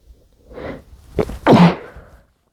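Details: A brief muffled intake of breath, then two stifled, muffled sneezes in a quiet room; sneezing.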